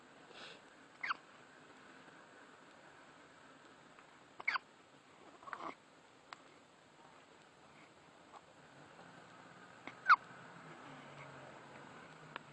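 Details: Several brief, sharp, irregularly spaced gulping sounds over a quiet room background; hiccups.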